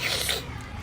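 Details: Acted, comedic sniff: a single short, hissing nasal snort imitating a nose blocked by a winter cold; nasal sniff/snort with congestion.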